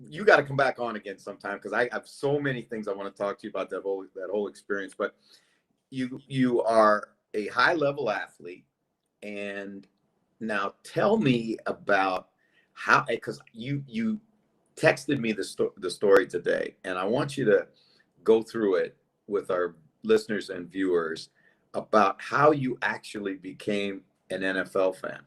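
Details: Adult male speaker; Normal conversational speech.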